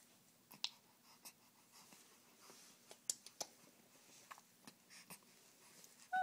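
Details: Soft, brief, sharp hiccups recurring every second or two from an infant.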